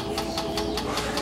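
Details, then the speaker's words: Steady motor hum with rapid regular ticking pulses, about five a second: the MRI table moving up and down as a child patient lies on it before an MRI without sedation at a children's hospital. "Pero esta cama puede moverse hacia arriba y hacia abajo y hace algo de ruido mientras se mueve."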